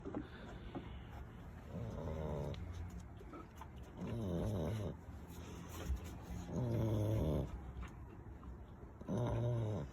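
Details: A brindle female pit bull-type puppy, tired from exploring, snoring while asleep: low, rattling snores every two to three seconds, roughly 24 a minute, with softer breathing in between.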